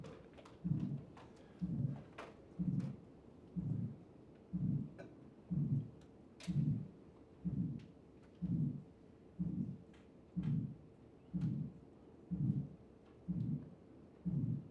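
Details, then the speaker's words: Aortic stenosis murmur: regular heartbeat near 62 a minute with a harsh systolic murmur filling the gap between S1 and S2; peripheral pulses described as late, slowed and weak. "in between S1 S2 systolic murmur peripheral pulses are going to be late and slowed or delayed a weak okay okay [Music] so that's aortic stenosis"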